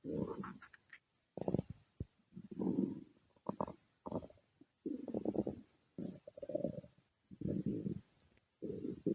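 Repeated low gurgling rumbles in irregular bursts with brief silences: stomach growling, or borborygmi.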